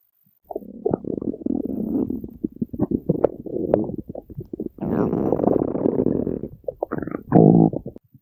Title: Red Panda Owen being cute + Stomach Growls